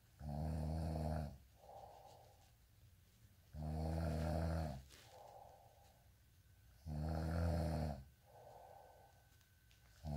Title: day in life snoring asmr sound 227